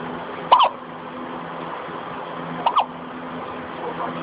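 Two short, sharp voiced gulps about two seconds apart over a steady low hum: hiccups.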